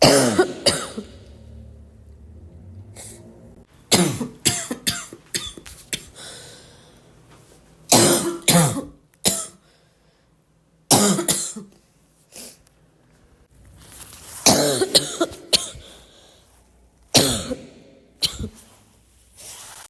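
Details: Repeated bouts of harsh barking coughs with a wet, congested edge, separated by quiet pauses, with throat clearing and snorting: barking cough.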